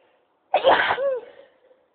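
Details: Sneeze attack: a single sharp, high-pitched sneeze with a short squeaky vocal tail, then quiet.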